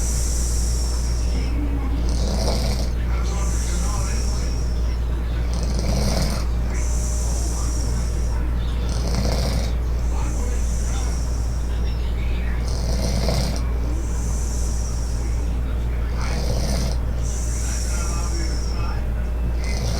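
Loud, rattling snores repeating about every three seconds, roughly twenty breaths a minute, over a constant low background hum.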